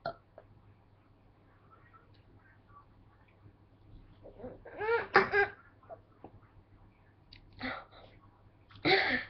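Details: Deliberate burps for a three-burp competition: a few voiced belching bursts, spaced out, with quiet room noise between.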